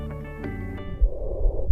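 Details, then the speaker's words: Continuous, intermediate-pitched, loud noise audible at a distance, produced by obstruction of the larynx and extrathoracic trachea: stridor. "El estridor es un ruido continuo de tonalidad intermedia, intenso y audible a distancia. Se produce cuando hay obstrucción de la laringe y de la tráquea extratorácica."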